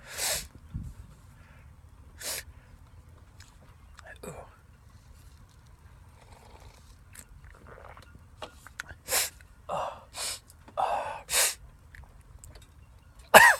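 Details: Sneezing bout just after a shower, reaching about ten sneezes in a row: about five loud, explosive sneezes in this clip, with quiet breaths and soft gasps between them.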